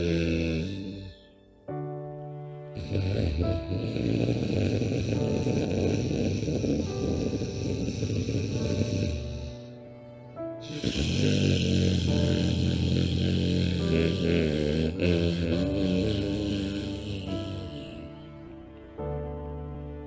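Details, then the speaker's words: Imitated snoring: two long, rough, snore-like nasal breaths, one in and one out, during yoga pranayama with the tongue folded back against the palate, practised as a snoring remedy, under loud background music. "कोई कहता है ओम जैसी आवाज करनी पर नहीं exactly खर्राटे जैसी आवाज करनी है"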